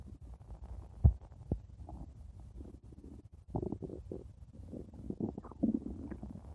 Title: stomach growling 4 minutes